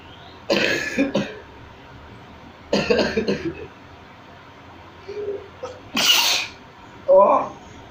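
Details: Self-provoked sneezes, triggered deliberately with a small stick; several sharp, hissing bursts of air with short gaps, quiet room noise: sneeze.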